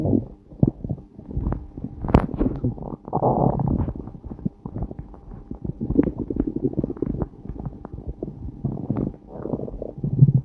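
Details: Stomach growling (borborygmi): irregular low gurgling and rumbling runs over about ten seconds as gas and fluid move through the gut, recorded around a time of passing long farts.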